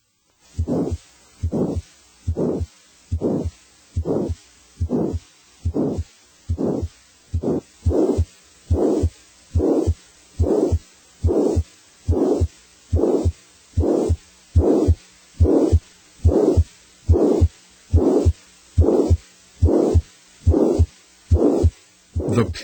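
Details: Loud heart murmur (grade 4-6/6).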